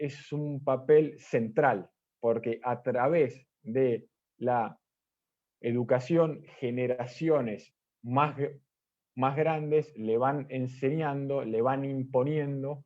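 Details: Stuttering in an Argentine man, first-time participant in a stuttering presentation-practice group, giving a deliberately unprepared talk because of problems with spontaneous speech; a part-word repetition is audible.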